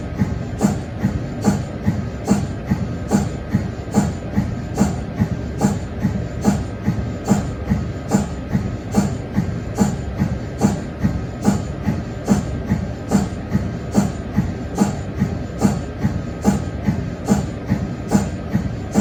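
Steady rhythmic chuffing pulse, about 72 a minute, over a low hum; the normal pumping of an MRI magnet's cold head.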